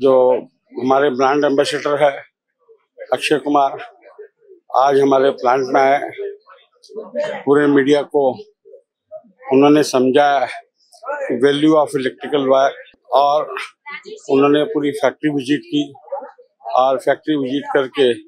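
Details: Adult male speaker; Normal voice.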